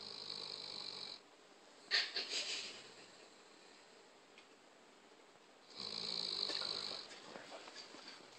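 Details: Two whistling, buzzy snoring breaths about five seconds apart, with soft rustling between them; snoring.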